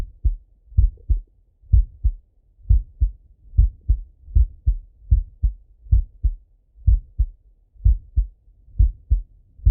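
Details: Male lying on left side, stethoscope heart auscultation: regular paired low lub-dub thumps, about 63 beats a minute; normal heart sounds.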